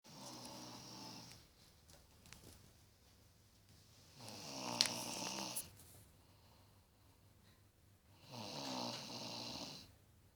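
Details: Adult woman (wife, who denies snoring) snoring: three long, rasping snores with a rattling, whistly edge, about four seconds apart, near eleven breaths a minute.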